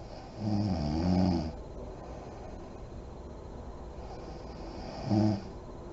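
Two rough, rattling snores on breathing in, with quiet breathing between them; ordinary snoring during sleep.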